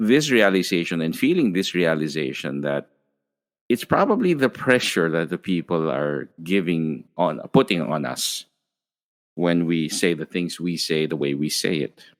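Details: Adult man speaking; ordinary speech.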